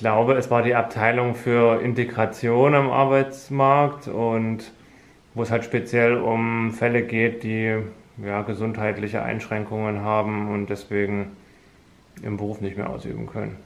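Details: Adult male speaker; ordinary speech.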